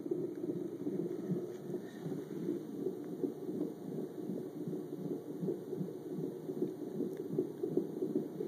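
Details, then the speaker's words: Rapid whooshing fetal heartbeat on Doppler, about 155 beats a minute, normal range; loud noises occur when the baby moves around. "see this is what's where all the sounds coming from like a robot she comes and goes in but that's because she does like to move around"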